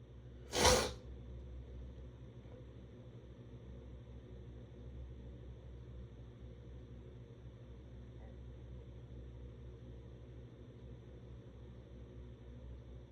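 One loud, explosive burst of air near the start, then quiet room noise: a single forceful sneeze.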